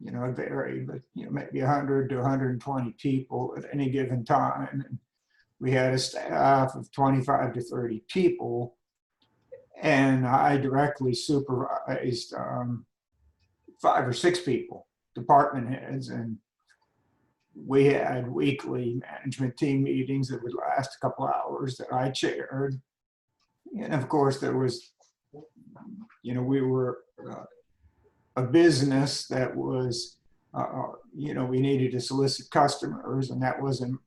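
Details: Adult man with spasmodic dysphonia diagnosed at age 51, managed without Botox through practice and workarounds; talking is tiring and some words such as "yes" take great effort. Finding: spasmodic dysphonia.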